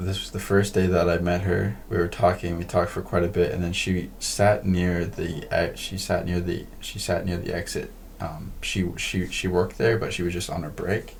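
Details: Male podcast host who stutters; repeated words and phrases; stuttering.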